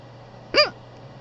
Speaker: Welcome to another ASMR video where I have the hiccups.